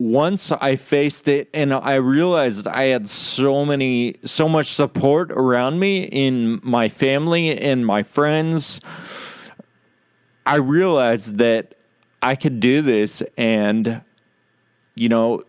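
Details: Adult man with Friedreich's ataxia, which causes slurred speech said to be audible in his talk; ataxic dysarthria.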